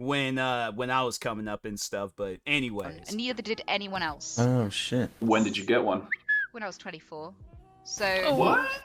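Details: Adult female streamer with Tourette syndrome whose tics can start at any time and that she cannot control; involuntary vocal tics, including coprolalia and repeated phrases, interrupt her speech: Tourette syndrome vocal tics.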